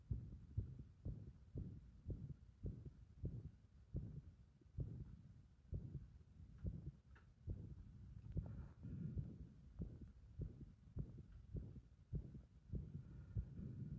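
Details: Low heartbeat thumps at about 80 a minute with uneven spacing, the rhythm thrown into disorder by applied compression; irregular heart rhythm.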